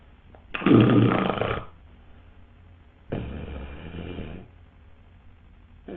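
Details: Two loud, rough, rattling snores about two and a half seconds apart, a third starting at the end, in a quiet room, illustrating obstructive sleep apnoea; snoring.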